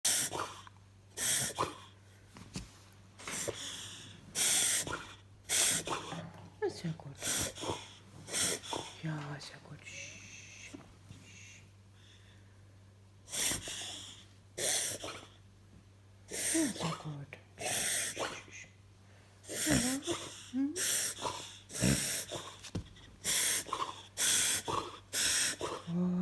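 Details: Beagle reverse sneezing: repeated harsh, snorting inward breaths in runs, with a brief pause midway.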